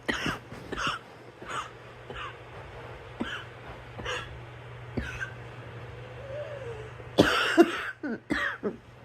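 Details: A run of about a dozen short, dry coughs from a girl, with throat clearing and a few harsher bursts near the end; cough.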